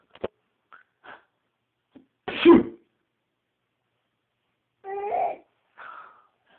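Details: A pet's first sneeze: a single sharp sneeze from a small animal amid brief snuffles and quiet sounds; sneezing.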